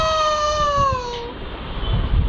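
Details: A young child gives one drawn-out, high crying wail that sags slightly in pitch and fades into room noise while an adult comforts them and promises to get them something.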